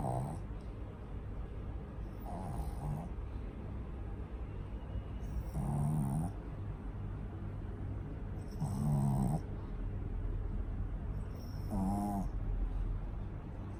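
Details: Pug dog asleep: regular snorting snores about every 3 seconds, roughly 20 a minute, over steady background hum; loud snoring.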